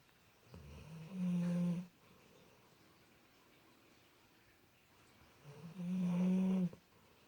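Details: Very loud snoring that had gone on for about 10 minutes, at times sounding like an angry cow: two slow, deep, rumbling snores on the in-breath with quiet pauses between, in a quiet room.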